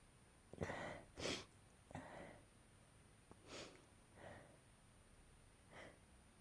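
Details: Sneezing fit: a run of about six wet sneezes in quick succession, some sharp and some softer.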